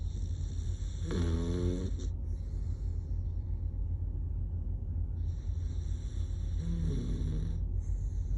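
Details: Sleeping pit bull puppy gives two rattling, fluttering snore sounds during sleep breaths, over steady low background hum; snoring.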